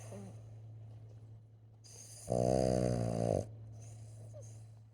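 A single loud, buzzing snore against a steady low hum, then quiet breathing.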